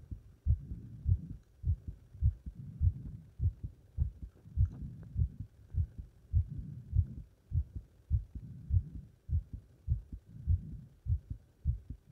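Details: Heart sounds after leapfrog exercise: strong, regular low thumps at about 100 beats a minute; a normal heartbeat quickened after exertion.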